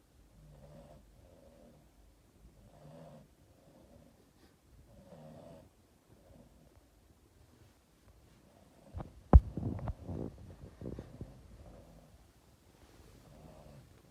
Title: Boston terrier dog Yoda and mom Christmas cuddle and snoring!